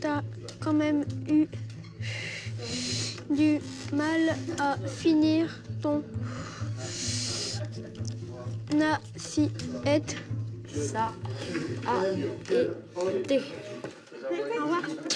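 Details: Stuttering lasting for years in an 11-year-old boy, not resolved by speech therapy and child psychiatry, during a 3-day breathing-based stuttering course in Paris.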